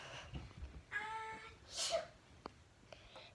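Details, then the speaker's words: Performed "quiet" sneeze, the first in a comedy series of ten sneeze types: a soft, stifled sneeze with a brief voiced onset and hissy release in a quiet room. "Okay, let's get started. Sneeze number 1. The quiet one."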